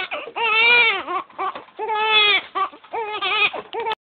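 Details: Loud, high-pitched infant crying in repeated long wails with brief gasping breaks between them.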